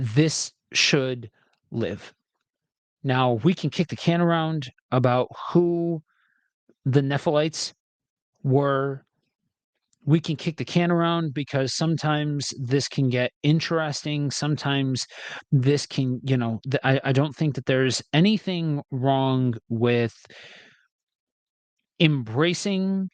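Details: Adult man with a self-described speech impediment, reading scripture aloud: stuttering.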